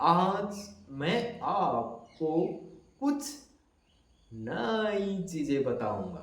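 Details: Adult male who says he used to stammer, deliberately imitating his former stammering to demonstrate it (acted, not current); stuttering (imitated prolongations).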